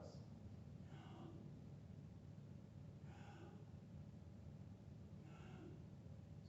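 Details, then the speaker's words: Imitation of agonal breathing, a sign of cardiac arrest: three isolated gasping breaths about two seconds apart, performed louder than real agonal breathing. "when you hear this sound, that's called agonal breathing. He's not breathing. Trying to breathe, exactly."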